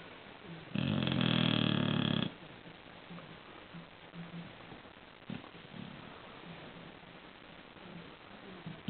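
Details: Bulldog snoring during sleep: one loud, buzzing snore followed by softer snorting breaths in a quiet room.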